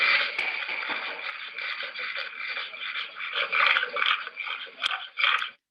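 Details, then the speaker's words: A bulldog in respiratory distress makes rough, rattling, snore-like, low-pitched discontinuous breathing noises from soft tissue obstructing the upper airway: stertor. "So stertor is a low-pitched, discontinuous noise. So that's soft tissue flapping around."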